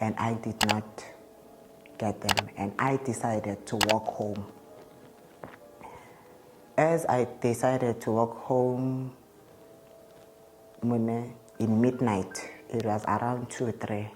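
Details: Adult man's real interview speech; he states he stutters, present since at least grade five (2005), when it caused low self-esteem; he also reports an unspecified positive test and initially delaying medication; stuttering.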